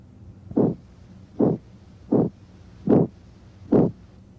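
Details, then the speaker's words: Abdominal auscultation with a stethoscope over the renal arteries and aorta, as advised in hypertension: rhythmic whooshing bursts with each pulse, about 75 a minute; abdominal arterial bruit. "in a patient with hypertension a brewery raises suspicion of renal artery stenosis but most breweries have other causes"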